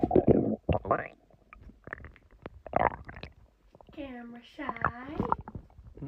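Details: Male stomach growling after eating a large meal of chicken, recorded with a microphone held to the belly; gurgling bursts then squeaky, whining tonal growls (borborygmi).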